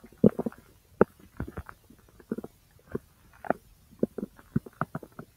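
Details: Active bowel sounds (borborygmi) recorded from the large intestine: irregular soft gurgles, pops and bubbling clicks, with a few louder ones.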